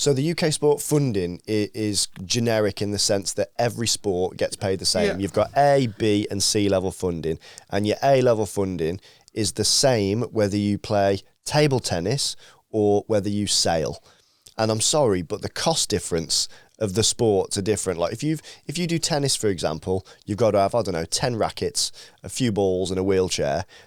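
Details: Adult male speaker; ordinary speech.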